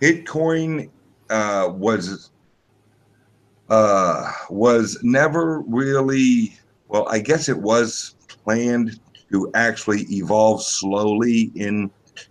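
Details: Male podcast guest's self-reported speech impediment, type not named; disfluent speech heard. Finding: speech impediment.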